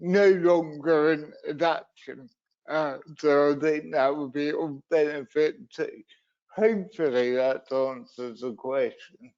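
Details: Adult male wheelchair user with cerebral palsy from a brain injury in an accident at birth, unsteady on his feet: dysarthria (cerebral palsy).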